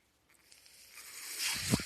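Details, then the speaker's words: The speaker's own mechanical ventilator, heard during a podcast recording: a rising airy whoosh as it pushes air in for a breath, building to a soft hiss. "That noise you're hearing is my ventilator."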